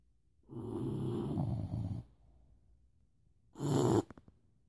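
Two loud, rough snoring breaths separated by a quiet pause, followed by a few soft clicks; ordinary snoring.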